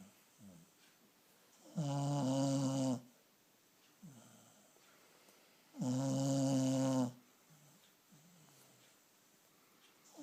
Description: My dog snores a lot. This time her tongue was sticking out.